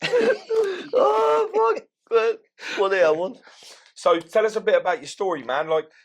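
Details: Adult male speech, possibly two speakers; Ordinary conversational speech.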